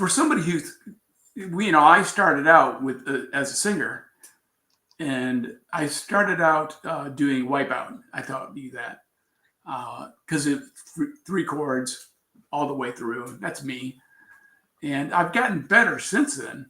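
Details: Aphasia in an adult man after a traumatic brain injury from a bicycle accident about four years earlier, with coma; word-finding trouble noticed on waking, still recovering.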